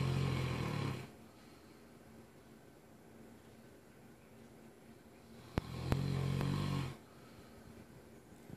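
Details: Mastiff snoring, recorded from across the room: two long, low rumbling noisy breaths separated by a quiet pause, with a couple of sharp clicks.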